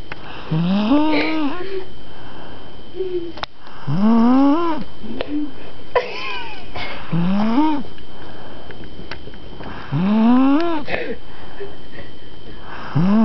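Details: A sleeping girl, recorded around midnight by her cousins, makes whistling, rising snore sounds about 19 times a minute over a steady background hum; high-pitched snoring.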